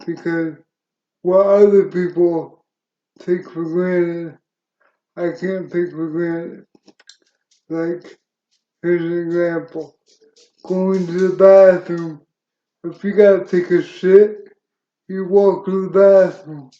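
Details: Adult man with cerebral palsy since birth, which he attributes to oxygen loss to the brain during birth, uses a wheelchair and reports a speech impediment: dysarthria in cerebral palsy.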